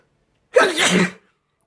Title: More sneezing